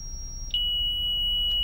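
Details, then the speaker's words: Brief click then steady high-pitched charging tone of a Zoll series cardiac monitor defibrillator, dropped from 200 joules to 30 joules for the routine start-of-shift defib test charge. "starts off Egypt 200 joules I'm gonna drop it down to the 30 that we do our tests that charge"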